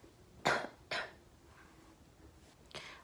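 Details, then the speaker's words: Imitated cough: three short harsh adult cough bursts, two close together then one after a pause, in a quiet room. "What if you're coughing? You're coughing, right? You can say, I have a cough."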